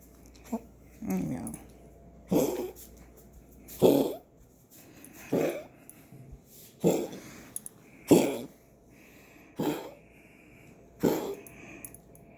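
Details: A dog coughing: a run of about eight short, harsh coughs, roughly one every one and a half seconds.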